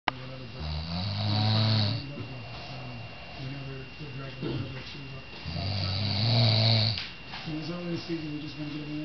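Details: Deep, buzzing snores on each breath in from an exhausted grandfather asleep after a day out, two long cycles with softer breathing out between, over faint room hum; ordinary snoring.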